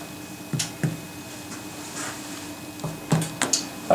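About six sharp, hollow finger taps in a quiet room, struck over the sides of the chest; a normal resonant percussion note.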